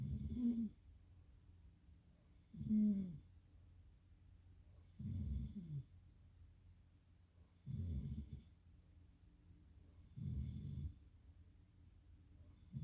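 Regular low rattling snores on each breath in, about five in thirteen seconds, roughly 25 a minute, with quiet pauses between.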